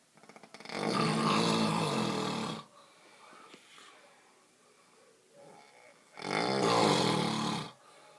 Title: The snore to put all other snores to shame